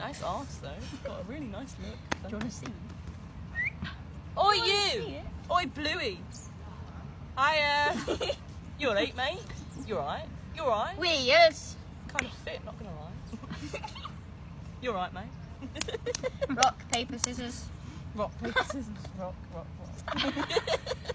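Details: Speaker with Tourette syndrome whose utterances likely include vocal tics; Tourette syndrome vocal tics.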